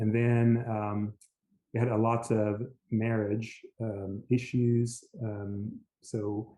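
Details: Aphasia after a stroke in an adult man, initially global aphasia able to say only yes.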